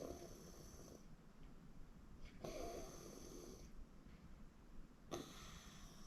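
Three rasping snores on breathing in, about every two and a half seconds, over steady room noise; ordinary snoring.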